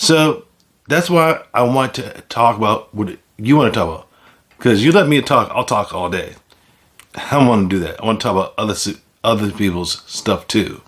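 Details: Aphasia in an adult man following a stroke; finding: aphasia.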